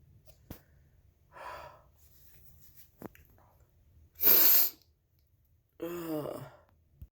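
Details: Person who woke with a horrible head cold, nose clogged shut all night: quiet breaths, then a loud explosive sneeze followed by a gasping, voiced breath.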